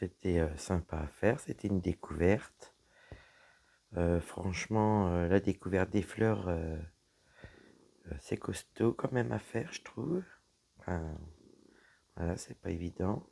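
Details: Woman whose vocal cords were damaged by a serious health problem; voice deeper than before, at times little voice, unable to speak loudly; low-pitched voice; dysphonia from vocal fold damage.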